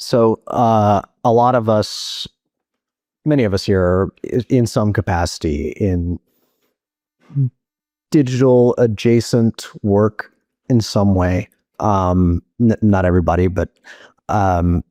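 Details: Adult man speaking; Ordinary speech.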